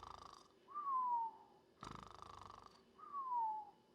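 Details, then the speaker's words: Imitated simple snoring, demonstrated for contrast with sleep apnea snoring: two rattling inhalations, each followed by a soft whistling exhalation, steady and regular. "The noise you make can be an indicator of when you sleep, and snore can be an indicator of sleep apnea. So snoring sounds more like,"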